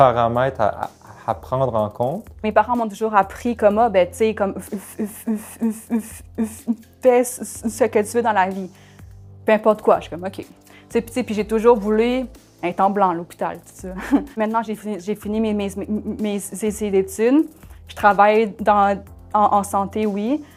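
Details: Health-care worker who has stuttered since youth; stuttering.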